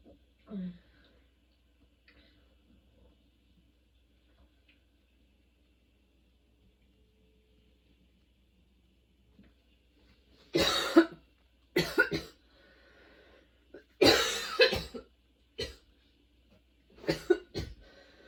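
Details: Sudden-onset nonstop coughing fit that kept worsening, bringing tears and repeated position changes for comfort: long quiet stretch, then about six loud harsh coughs in close succession; prolonged coughing fit.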